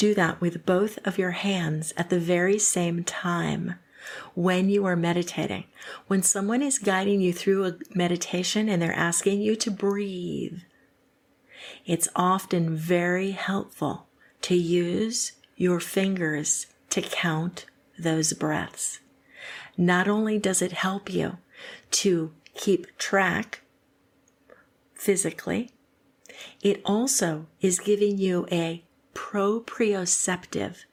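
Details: Adult woman speaking; typical speech.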